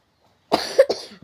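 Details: Child gives a short run of two or three harsh coughs, which the parent blames on snacking on ice, iced drinks and candy; cough.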